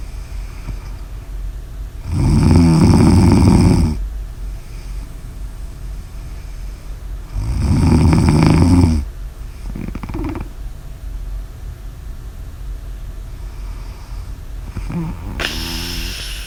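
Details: Two loud, rattling snores on the in-breath, about six seconds apart, with quieter breaths between and a faint extra sound near the end; snoring.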